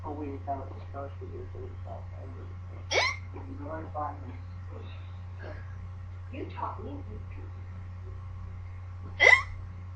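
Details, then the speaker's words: Child with hiccups that would not go away, talking softly; two sharp, sudden hiccups several seconds apart break into the talking. "I have the hiccup no you don't okay"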